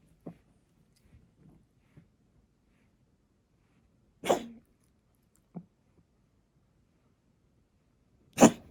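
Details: Kijitora (brown tabby) cat with asthma: quiet room with a few short, harsh cough bursts, the cough of feline asthma.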